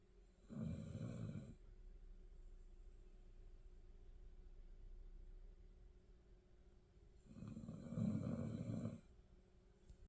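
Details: Two loud, rough inspiratory snores about seven seconds apart, with quiet breathing between them in a still room.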